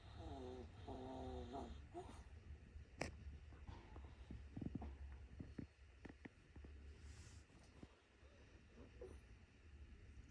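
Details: Tired, sleeping dog snoring: low, rumbling snores with a few snorts, steady hum in the background.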